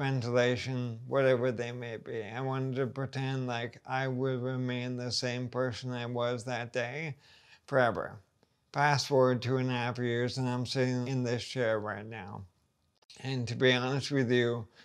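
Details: Dysarthria from ALS in an adult man, about two and a half years after diagnosis; he says his voice shows the disease progressing.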